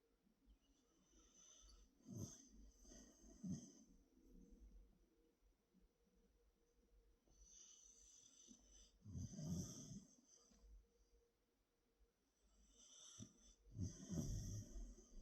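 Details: Boy snoring, recorded right at the listener's ear: soft, rough, rattling breaths recurring every few seconds with hissy exhalations; gentle snoring.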